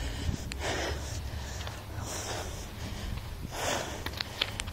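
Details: Laboured breathing in an adult while carrying something heavy outdoors; described as erratic, attributed to nervousness/anxiety, though the speaker suspects heart and blood pressure. Loud, heavy, fast, effortful breaths roughly every 1.5 seconds over outdoor rumble.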